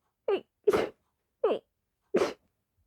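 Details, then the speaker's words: Two quick paired sneezes, each a short intake then a forceful burst, in rapid succession: a sneezing fit of powerful sneezes, with a tickling nose and snorting between. "So, I've been sneezing. Uh, I just had a big fit, but I couldn't find my phone."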